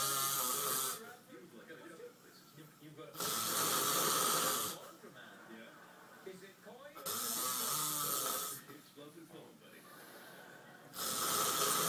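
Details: Husband snoring during sleep: loud, rasping snores recurring about every four seconds, roughly 15 a minute, with quieter breathing between them; snoring.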